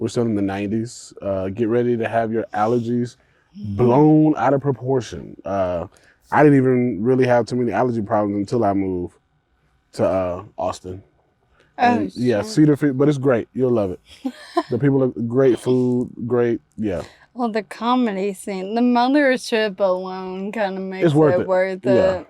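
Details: Ataxic dysarthria in a 28-year-old woman with Friedreich's ataxia, a progressive genetic disease diagnosed at 18; speech and walking changes were noticed around age 15. She uses a wheelchair and takes Skyclarys to slow progression.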